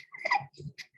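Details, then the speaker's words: Inspiratory stridor in a male patient having obvious trouble breathing, shown at a pediatric emergency medicine conference: harsh, high-pitched noise on breaths in, classic stridor from a narrowed upper airway. "do you guys hear that that's classic for strider"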